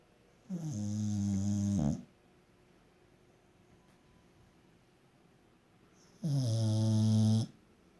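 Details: Dog snoring while awake: two long, loud, rattling snores separated by a quiet pause; snoring-type noisy breathing.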